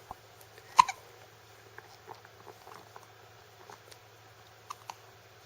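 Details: An infant who often has hiccups, lying in a nursing pillow and seemingly untroubled: a few short, abrupt clicking catches spaced seconds apart in a quiet room; infant hiccups.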